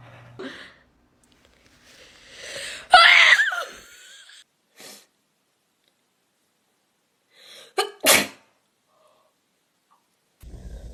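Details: Person sneezing during a sneeze-without-blinking challenge: sharp, explosive sneeze after a short inhaling build-up, then a second smaller sneeze burst seconds later.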